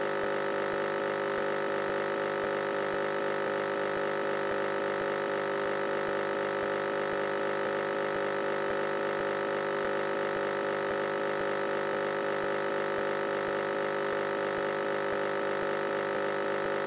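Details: Irregular nebulizer operating sound, presented as experimental white noise for relaxation.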